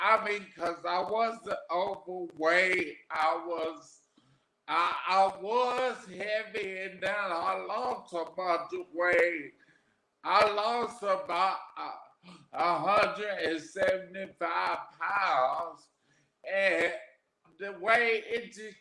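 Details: Adult man with aphasia after three strokes, the first about 13 years earlier; aphasia.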